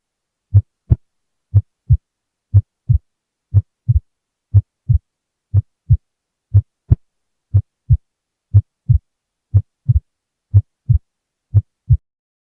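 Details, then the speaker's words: Physiologically split second heart sound, stethoscope-recorded: steady heartbeat at 60 a minute, splitting 60 ms at peak inspiration and absent at peak expiration, so S2 is split on some beats and single on others. "maximum splitting occur at the peak inspiration in the example you are hearing the splitting of the second heart sound is 60 milliseconds at the peak inspiration and zero splitting at peak expiration"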